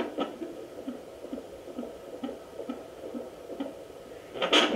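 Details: Home fetal Doppler used with aloe vera gel instead of ultrasound gel: faint, rapid, regular whooshing fetal heartbeat about 130 a minute, then probe scraping noise.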